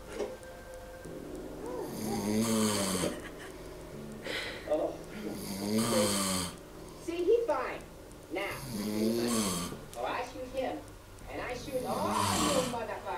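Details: Adult man (uncle) snoring while a film plays, with loud, irregular snoring, rough rattling snorts and vocal-sounding breaths about 18 a minute; snoring.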